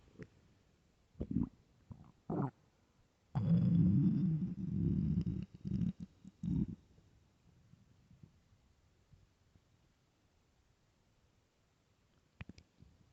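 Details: Low gurgling and a prolonged loud growl from the belly, then quiet, from a hungry stomach: borborygmi (stomach growling).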